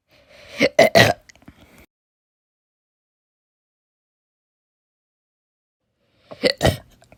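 Two clusters of sharp, jerky throat catches about six seconds apart, each with quick gulping bursts: slow, spaced hiccups.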